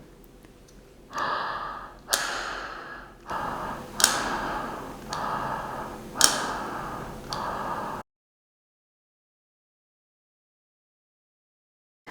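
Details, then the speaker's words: Child breathing through a valve holding chamber (spacer) with an inhaler: rhythmic breaths, each starting with a soft click of the valve, about six breaths; the clicking shows the valves are moving properly. "दूसरा, जब आप ये दवाई दे रहे हैं और बच्चा इसके अंदर स्पेसर के अंदर सांस ले रहा है, ये जो इसके अंदर वाल्व्स हैं इनको मूव होना बहुत ज़रूरी है। इनकी कट कट आवाज़ आनी बहुत ज़्यादा ज़रूरी है।"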